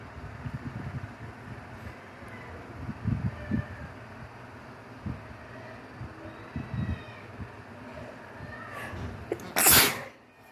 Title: Just a few wet sneezes